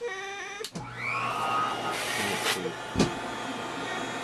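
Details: Cough Assist mechanical insufflation-exsufflation machine being pressure- and settings-tested before a daily respiratory treatment for a 5-year-old girl with spinal muscular atrophy (SMA) Type 1: motor whine with pressure swells and a sharp switch between blowing phases.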